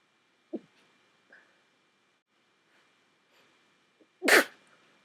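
A few soft snorts build to one sharp, forceful sneeze burst near the end; quiet room.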